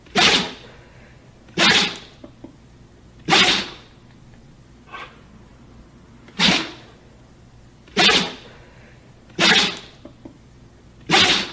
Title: Dog Sneezes 1 Hour